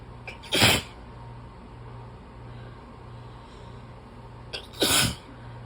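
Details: Allergy sneezing fit, sneezing into the elbow or hand: two forceful sneezes a few seconds apart over a steady low room hum.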